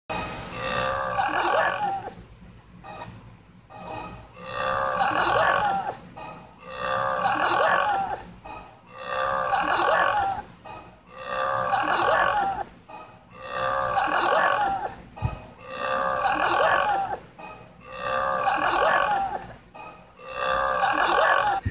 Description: The reindeers and a alligator big burping